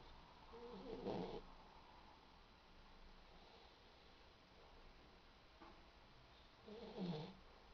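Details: Ara, a boxer dog, snoring while dreaming in sleep: two soft, snuffly snores about six seconds apart over steady room noise.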